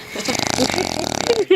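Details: Bulldog puppy asleep in someone's lap by a campfire at a cottage, the first time her snoring was heard: loud, rough, rattling snore with buzzy fluttering through the breath; snoring.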